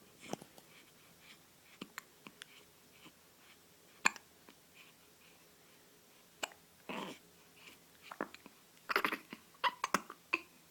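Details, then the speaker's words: Dog with hiccups, which happen often and bother it mainly when falling asleep: quiet, sharp little clicks and soft snorting catches about every second, with a few louder bursts. "Say, hey, I've got the hiccups. This happens a lot."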